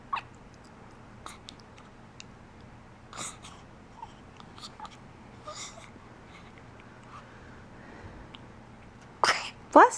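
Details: A dog with hiccups gives two sharp, breathy sneezes after a stretch of quiet room sound with small clicks.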